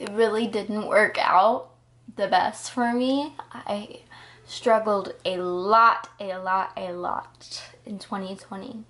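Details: Ataxic dysarthria in a 20-year-old woman with progressive Friedreich's ataxia, diagnosed at 19, also affecting balance, coordination, heart and muscles but not cognition.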